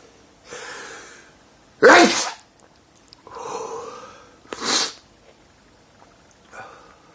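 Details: Adult with daily allergy-related sneezing (5–50 sneezes a day since 2011; doctor says allergic to dust, pollen, trees): two loud explosive sneezes, each preceded by a sharp indrawn breath.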